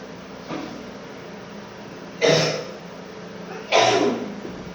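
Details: Cough during COVID-19 illness: two harsh, forceful single coughs a little over a second apart, a faint softer cough before them, in a quiet room.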